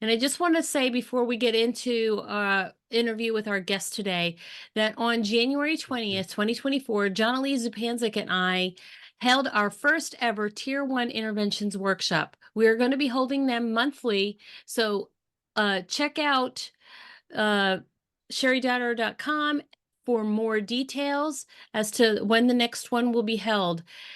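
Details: Adult woman speaking; normal speech.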